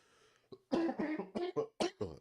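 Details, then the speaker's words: Adult man coughing from throat irritation after his wife sprayed something several times nearby: a quick run of about five short, harsh coughs mixed with throat clearing. "excuse me I'm sorry guys my wife just sprayed like five sprays of like something crazy any it's like tearing up my throat excuse me"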